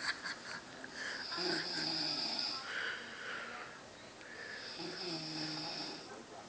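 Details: Man asleep in front of the TV with the remote in his hand: rough, rattling snores on slow breaths with a whistling, hissy edge. Ordinary snoring.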